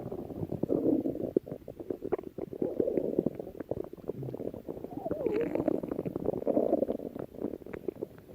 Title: stomach growling